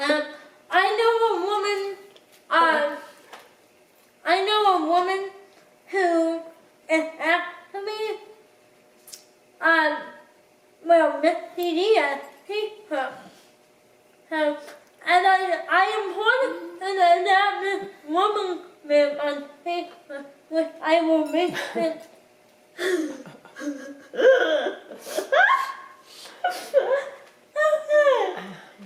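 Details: Dysarthria in a person with cerebral palsy who cooks independently with limited help.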